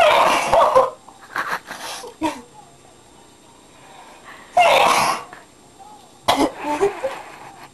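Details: Deliberately self-induced sneezing: three loud, explosive sneezes with short catches of breath and vocal sounds between; a sneezing fit.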